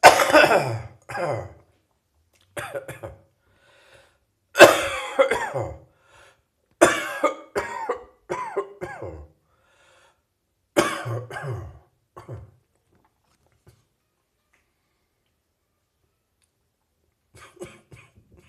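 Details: Residual morning cough in an adult: several short coughing bursts with quiet pauses.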